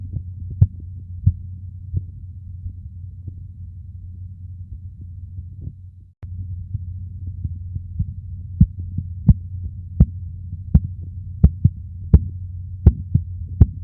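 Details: Korotkoff sounds heard while measuring blood pressure: sharp tapping beats that grow louder over a steady low hum; best heard with headphones.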